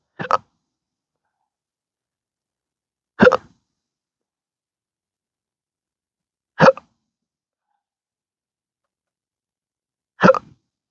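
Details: Adult with rare disabling daily hiccups and burps since December 2015, following surgery with nerve damage: four sharp, abrupt hiccups about every 3.5 seconds, roughly 18 a minute; persistent involuntary hiccups.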